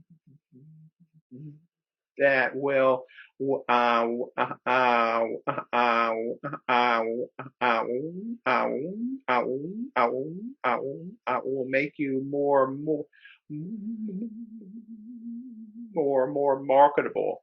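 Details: Real stuttering in a man who is a person who stutters, speaking as a webinar co-host; repetitions, interjections and pauses are heard; stuttering.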